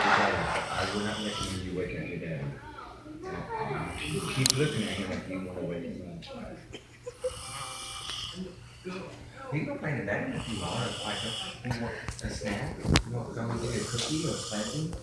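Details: Person snoring: irregular, rough, fluttering snoring sounds with snorts, over some room noise; snoring.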